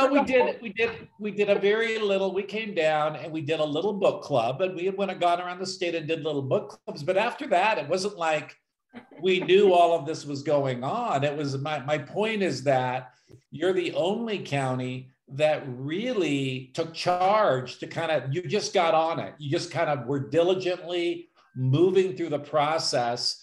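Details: Adult speaker; normal speech.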